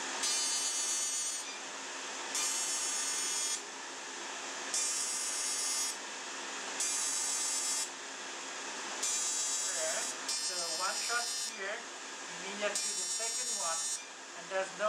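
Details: Repeated second-long buzzing bursts over a steady cooling hum as an ablative fractional CO2 laser (DeepFX handpiece, Lumenis) fires shot after shot near the eyes and nose of a dark-skinned (type IV) patient with acne scars.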